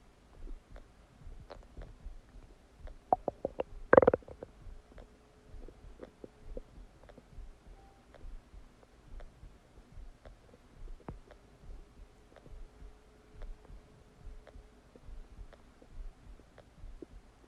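Irregular gurgles, squeaks and pops from the belly, with one louder burst early on: ordinary digestive bowel sounds after a meal.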